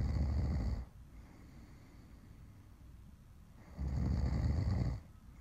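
Two loud, rumbling snores separated by a quiet stretch of breathing, a slow sleep rhythm of snoring.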